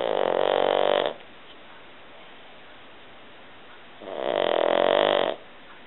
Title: Doug the snoring Pug